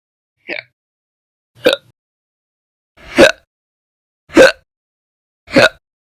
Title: 3/1/20 to 3/31/20, Violent, Bad Very Loud, Silent, Minute, Second Hiccups Audio Only